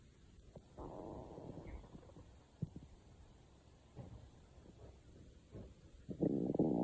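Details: Stomach growling: low gurgling rumbles with bubbling, squeaky swells and short pops, building to a loud rolling growl at the end.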